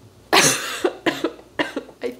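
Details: Four harsh coughs in quick succession from an adult who is sick with a painful, scraped-feeling throat that hurts to talk; possibly strep throat; being treated with salt-water gargles and steam.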